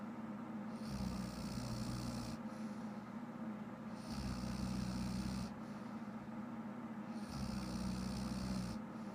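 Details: Adult woman who fell asleep while watching shows, snoring loudly: rough snores on each inhalation, about twenty breaths a minute, steady during sleep.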